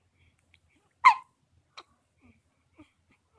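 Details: Infant's first hiccups: one sharp, abrupt hiccup followed by a few fainter catches in a quiet room.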